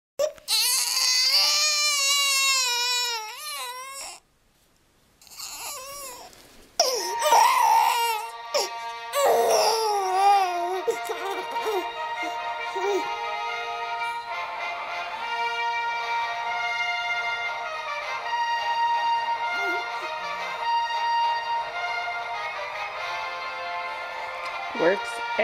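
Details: Baby crying in wavering bursts, then quieting to brief fussing as the orchestral Star Wars theme starts playing. The song calms the baby.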